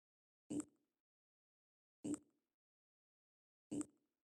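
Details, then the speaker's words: Person with Ehlers-Danlos syndrome and facial dystonia, jaw dislocating audibly: three sharp clicks about 1.6 seconds apart in silence, the jaw joint popping. "I caught audio of the sound my jaw makes when dislocating except it wasn't coming from inside you know where only I could hear it's Audible"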